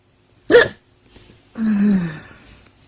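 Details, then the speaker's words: Woman with long-lasting loud hiccups at 2 a.m., feeling tired and unwell: a single sharp, loud hiccup followed a second later by a short voiced sigh or groan. "so tired so tired and tired oh much longer I can keep filming even though these hiccups they seem to be lasting a long time"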